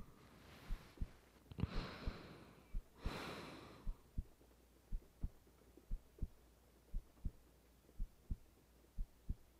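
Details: Normal heartbeat of a woman recorded for a sleep roleplay, heard with rain sounds in the background.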